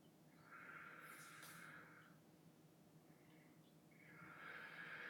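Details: Stethoscope diaphragm auscultation in a ladder pattern during a pulmonary assessment, with the patient taking deep breaths in and out through the mouth: soft, even breath sounds over a steady hiss; normal breath sounds.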